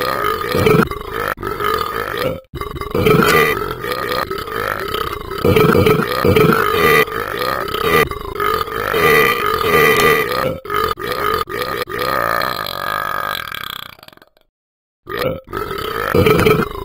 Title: The Ben App Won't Stop Burping